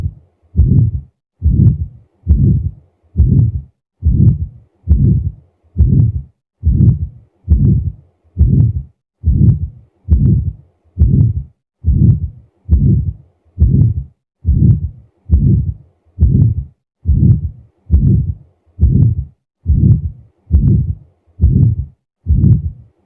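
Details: Regular heartbeat near 68 a minute with a harsh systolic murmur heard at the right base (right upper chest); aortic stenosis murmur on auscultation.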